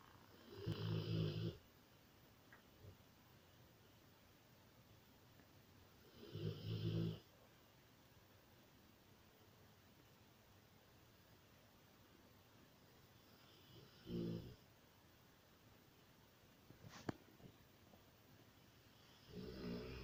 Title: Snoring rottweiler